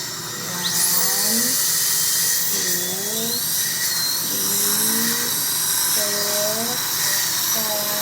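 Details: Continuous high-pitched whine of a dental drill, with a child's voice and soft music. A child is having soft decay removed before medicine is placed, to avoid extraction; no anesthesia was used.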